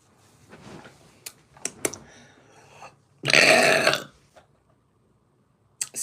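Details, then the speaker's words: Female burping uncontrollably: quiet throaty sounds, then one loud, rough, deep burp about a second long. "me I have a burp already wow that's impressive"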